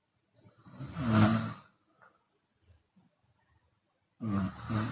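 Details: Chinese woman snoring with her mouth open, sometimes exhaling audibly: loud, raspy, rough snores with quiet breath noises between; open-mouth snoring.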